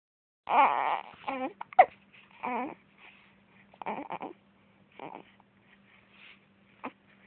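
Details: Infant with hiccups: short, fussy cries and whimpers broken up by pauses, with a faint steady hum in the room; infant cry.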